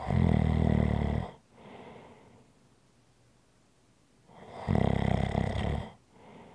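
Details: ASMR relaxation recording: loud, rough snore on each breath in with a quieter breath out between, two cycles heard in a quiet room. Snoring.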